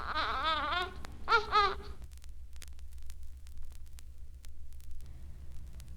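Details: Weak cry in Down syndrome.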